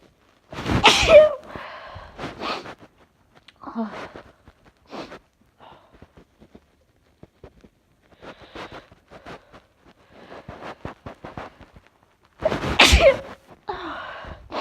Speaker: Oh gosh. I have to sneeze. I have to get one.